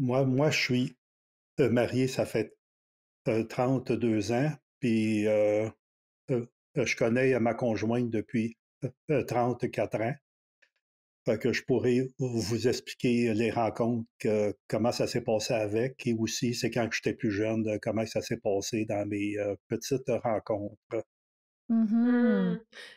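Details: Stuttering in an adult man in his sixties, retired, a French speaker, real speech.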